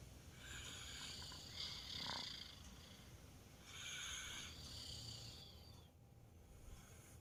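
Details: 2-year-old child snoring during sleep: soft, hissing, slightly rattling light snoring breaths against steady room noise.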